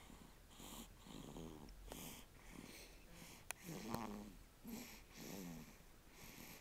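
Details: A sleeping dog snores with about eight rhythmic, rattling breaths, some with a whistling edge on the in-breath, and two brief clicks.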